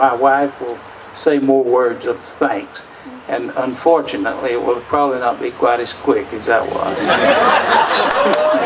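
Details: Adult man speaking; Normal voice.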